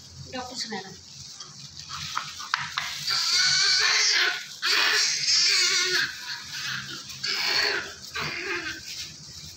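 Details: Newborn male baby just delivered by LSCS (caesarean section), covered in lots of vernix, gives repeated strong, high-pitched wailing cries while being cleaned, with staff voices and room noise in the background.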